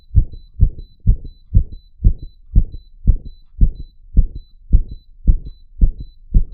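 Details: A person's own real heartbeat, made to beat super fast (tachycardia), recorded while wired to a 3-lead ECG monitor, with the monitor's beeping also audible.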